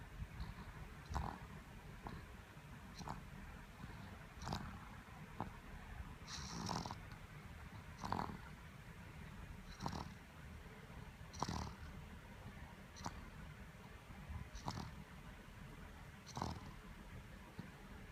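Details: Sleeper with repeated low rattling snores and soft snorting bursts every second or two: snoring.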